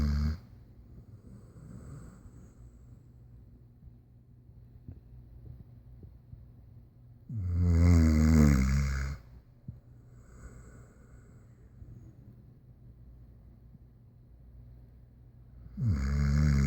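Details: Dog snoring very loudly: low, rattling snores roughly every eight seconds, two full snores separated by quiet breathing.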